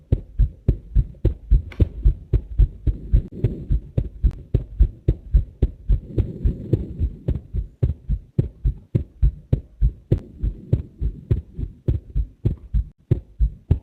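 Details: Recorded human heart sounds: steady, rapid, low heart thumps repeating evenly throughout, with a soft low hum underneath.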